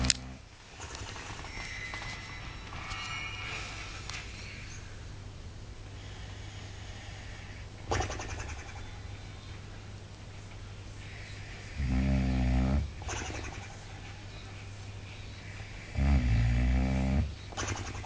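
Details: Two loud, rough, low snoring breaths from a sleeping boxer dog, over a steady low hum and room noise.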